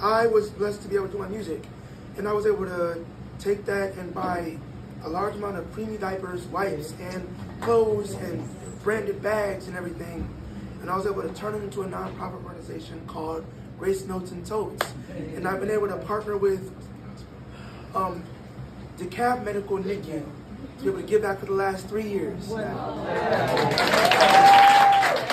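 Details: Breathy voice in a 22-year-old man from incomplete vocal fold closure, linked to extremely premature birth at about one pound, with lungs and vocal cords developing as he grew; the cords still don't close fully.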